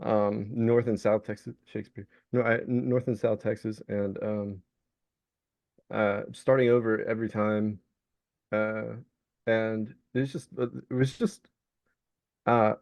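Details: Vocal tic of Tourette syndrome in an adult man diagnosed with Tourette's; a repeated tic word interrupts his speech.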